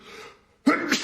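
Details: Brief inhalation, pause, then one sharp explosive sneeze within a large sneezing fit in a man with allergies, triggered by living with a Persian cat; allergic sneezing.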